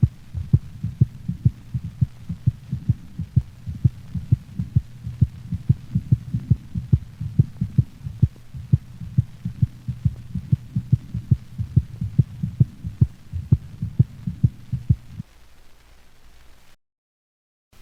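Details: Normal dog heart sounds recorded over the pulmonic valve: regular, crisp paired sounds with a clear, shorter, higher-frequency second sound and no murmur.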